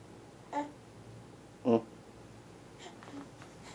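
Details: Young child: two small, quick sneezes about a second apart, followed by faint breathing; ordinary sneezing.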